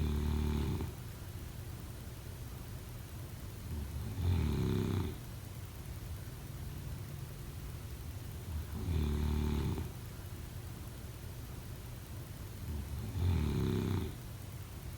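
Regular low, rumbling snores about every four to five seconds, roughly 13 a minute, over steady background hum; snoring during sleep.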